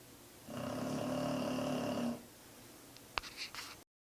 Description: Rosa just wants you to RELAX. She is snoring loud enough to make my desk and the floor vibrate.